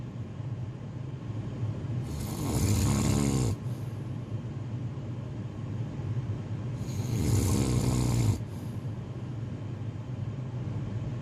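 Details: Snoring sound effect: two loud, rough, low-pitched inspiratory snores, about 13 breaths a minute, with quiet breathing between them.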